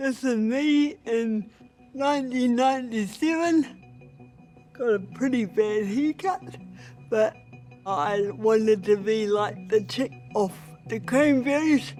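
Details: Adult woman with cerebral palsy, a former Paralympic athlete, who regards her voice as a real barrier to being respected; dysarthria (cerebral palsy).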